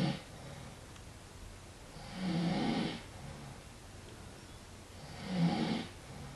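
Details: Man snoring while insisting he is not asleep: low, rough snoring noises on each in-breath, about every three seconds, roughly 20 breaths a minute, with quieter breathing between; snoring.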